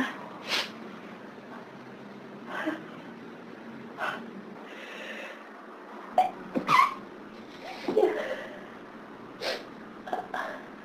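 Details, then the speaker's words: Hay fever sneezing on a severe hay fever summer day, with repeated fits. A run of short sneezes and sniffs, one after another. "Maybe it'll settle down now. Maybe not. I still need to sneeze."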